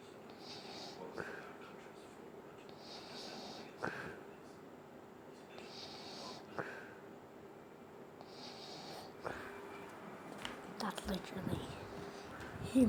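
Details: Dad snoring while asleep at home: a slow, repeating snorting noise every few seconds, with rising noise toward the end as he wakes up.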